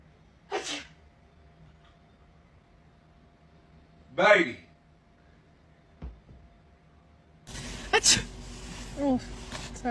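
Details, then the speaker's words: Acted sneeze in a comedy sketch: a woman sneezes on her boyfriend, two short sneeze-like bursts, then apologies and his disgusted protest. "ain't no damn way you just sneezed on me, man. I'm sorry."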